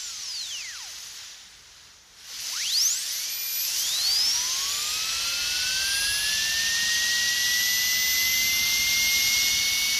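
High-pitched whine rising and falling, then settling into a steady shrill tone: a dental drill running, from a sound-effect recording.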